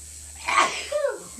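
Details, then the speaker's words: Single sharp sneeze, a sudden noisy burst of air with a brief voiced tail, triggered during a septum piercing. "This is making me sneeze."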